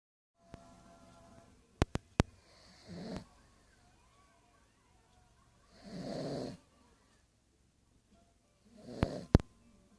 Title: Snoring pug Bijou